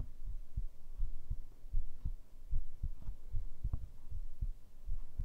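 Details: Heartbeat recorded with a binaural microphone: steady low thumping at about 77 beats a minute with a soft background hum; normal heart sounds.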